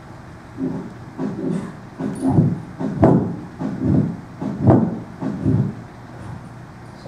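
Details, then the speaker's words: Normal heart sounds on auscultation, likely a dog: regular lub-dub at about 75 beats per minute with soft breathing in the background. "all right plating it you're gonna hear lub-dub lub-dub lub-dub lub-dub"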